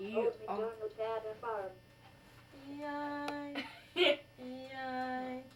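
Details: 12-year-old boy with verbal apraxia, which his parent notes is often found in kids with autism, with great trouble formulating and pronouncing words, singing during an AAC device evaluation; childhood apraxia of speech.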